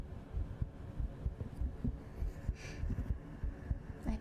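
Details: Soft, muffled low thumps of an adult streamer's own heartbeat, recorded as ASMR on a very sensitive 3Dio binaural microphone, with some handling noise; normal heartbeat.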